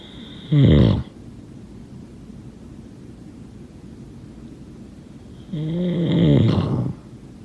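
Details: Snoring sounds during sleep.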